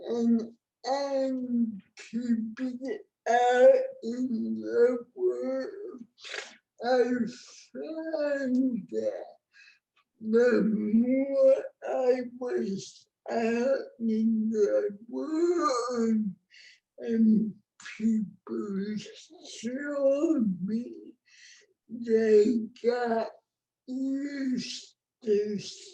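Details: Adult woman with cerebral palsy, present from birth (born before the ADA); dysarthria, though the speech disorder is not explicitly named.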